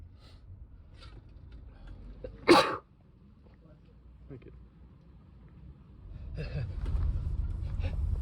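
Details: Person with a cold, congested and runny nose, persistent tickle, sneezing repeatedly: a single sudden explosive sneeze after a quick intake, then quiet and some background rumble.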